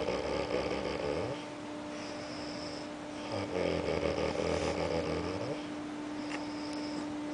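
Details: Sleeping man snoring: low, buzzing snore sounds on the breath, over a steady whining background hum.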